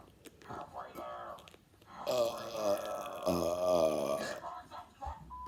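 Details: Long, loud, voiced belches about a second each, with brief vocal sounds between, after drinking Pepsi, Mountain Dew and Dr Pepper; burping after fizzy drinks.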